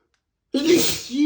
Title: Spray Sneezes II (M)